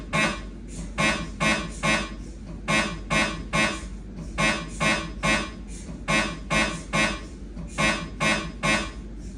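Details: Siemens MAGNETOM Lumina 3 T MRI during a lumbar spine exam: loud, regular buzzing knocks, about 35 a minute, in grouped bursts; scanner noise during an imaging sequence.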